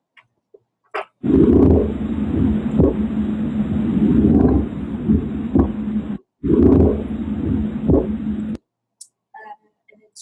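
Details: Pleural friction rub.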